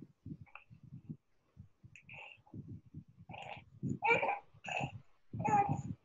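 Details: Infant with noisy breathing since birth, responding to nebulization, shows a musical, whistling monophonic expiratory wheeze, pointing to tracheal obstruction rather than stridor.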